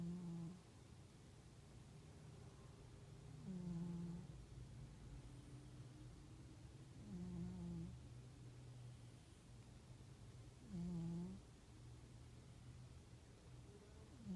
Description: This is my cat Rocky. He snores..